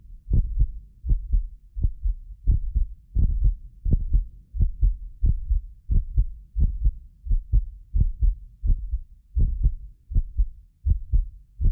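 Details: Heartbeat of a self-described medically fit person, recorded with more than six precision contact microphones; regular paired low thumps about 87 a minute, occasional doubled clicks from the roughly 6 ms microphone delay, not the heart; normal heart sounds.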